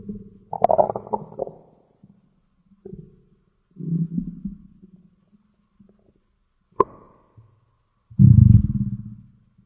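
Low gurgling growls in several bursts, the loudest at the end, ordinary stomach growling.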